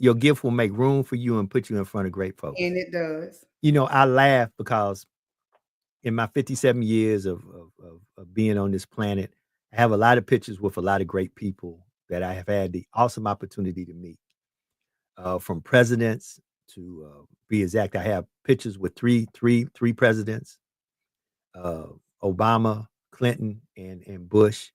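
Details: Adult male speaker; Stuttering (mild).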